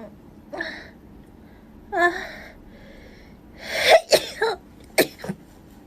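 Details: Young female with allergies or sinus trouble: several sharp sneezes, some preceded by a drawn-in breath, ending in a rapid cluster of short explosive bursts; sneezing.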